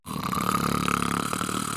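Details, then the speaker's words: A single short, rattling snore with a coarse fluttering buzz through the whole breath; snoring. "And that's exactly when snoring happens. Whether it's your friend, your partner, your brother, sister or parents, it is insanely annoying to hear them snoring."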